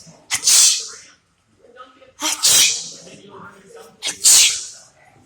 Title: Pepper sneeze challenge